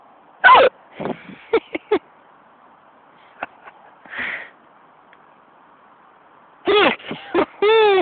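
Short, abrupt voiced gulps in scattered clusters over several seconds, each a sudden catch of the breath; repeated hiccups.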